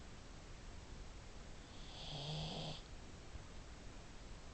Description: THIS IS OUR PUG MILLIE, SHE SNORES REALLY LOUD